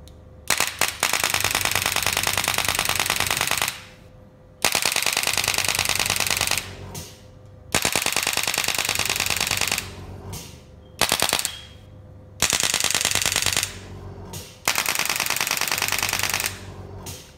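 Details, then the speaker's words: LUMSAIL BS-SWT5000 portable extracorporeal shockwave therapy machine at 10 Hz, 2200 shots, demonstrated on elbow (tennis elbow) treatment area, trigger pressed heavily for continuous mode: rapid rattling bursts of shots with short pauses. "same way if you press down the trickle triggle button a little bit it will shoot as you press down the trigger button if you press down the trigger button heavily it will go into continuous mode"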